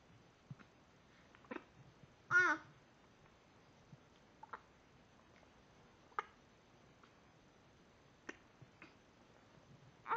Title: Little Hiccups, 2 weeks